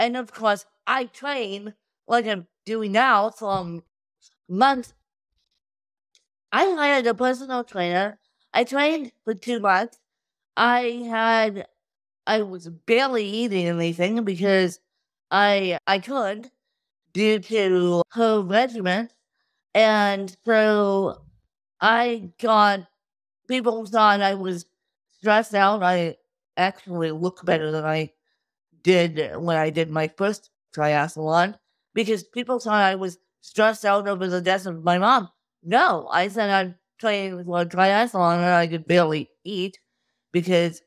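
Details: Adult woman with cerebral palsy since birth from lack of oxygen at birth; wheelchair user with difficulty speaking, sitting up and eating, and easy fatigue; dysarthria.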